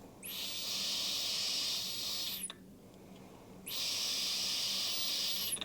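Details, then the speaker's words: Two long, steady hissing breaths out through a positive expiratory pressure device with a pause between, by a child with primary ciliary dyskinesia during physiotherapist-guided airway clearance as mucus begins to move. "okay it's moving but I think if we do a few more breaths to try and get more air underneath it and and move it up a little bit more be easier with the next set of hes great great I do three more breaths"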